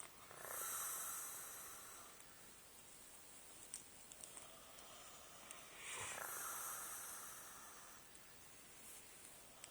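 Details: Two long, hissing, rasping breaths a few seconds apart with soft clicks between; snoring during sleep.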